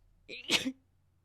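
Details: Female streamer while live-streaming: a single quick, hissy, rapid sneeze with a brief voiced catch; sneeze.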